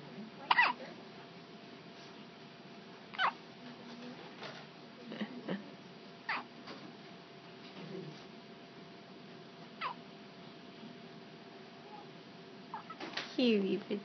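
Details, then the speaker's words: Infant girl makes short, sharp hiccup sounds every couple of seconds; ordinary infant hiccups. "got the hiccups."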